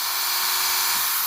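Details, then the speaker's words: 2.8 mm hard bone drill boring into the patella of a male patient with very hard bone during all-onlay MPFL reconstruction: steady high-pitched whine of the powered surgical drill running continuously. "So then we're going to take our 2.8 millimeter hard bone drill, and I'm doing this without an assistant. So this male has really hard bone."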